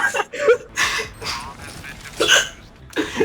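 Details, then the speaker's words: Person with repeated hiccups: several short, abrupt, involuntary gulps of breath, each with a brief vocal squeak, over a few seconds, while complaining about them and planning to hold their breath to stop them. "Just don't focus on the hiccups. Are ruining your life. I'm literally gonna die from hiccups."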